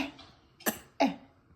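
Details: Adult deliberately fakes two short, sharp cough bursts rather than a reflex cough, and the grandma laughs.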